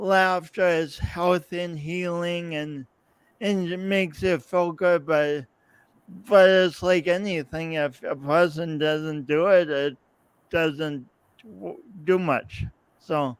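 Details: Adult man, podcast host, with his own lifelong speech impediment and coordination differences; real, not acted; speech impediment with disfluent speech.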